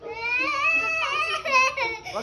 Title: Cry baby